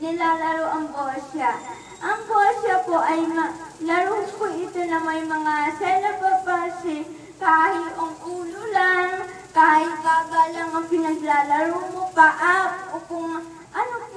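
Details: Dysarthria from cerebral palsy in an adult woman.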